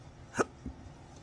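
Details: Man with chronic intractable hiccups, costing his surgical tech and acting careers; a single abrupt voiced hiccup with a fainter follow-up sound while speaking.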